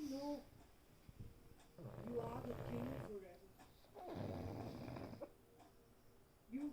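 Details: Pug Cosmo asleep, dreaming and snoring: two long, low rattling snores with quiet pauses between, typical of a flat-faced dog.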